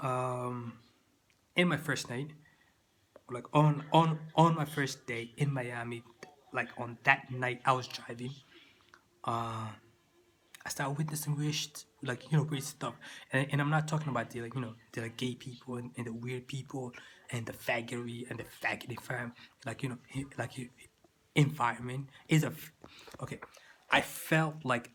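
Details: Stuttering in an adult man who says he still stutters, with word repetitions.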